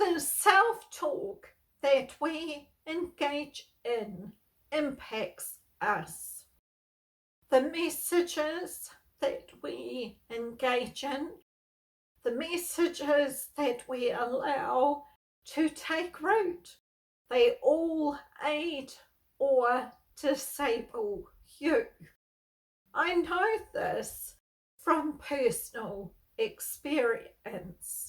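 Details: Spasmodic dysphonia, a neurological voice disorder, in an adult woman who has lived with it for over 38 years; she reports that stress worsens her voicing and speaking.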